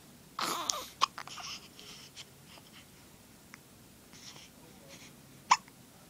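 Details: An infant girl makes a few sharp, squeaky hiccups among soft breathy sounds in a quiet room; hiccups.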